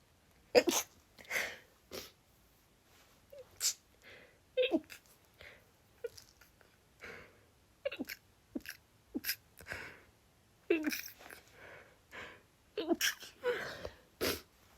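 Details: Female with a sudden sneezing fit of no known cause lasting about a minute and a half: rapid run of many short, stifled sneezes with quick catching breaths between.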